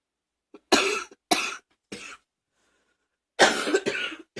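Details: Cough.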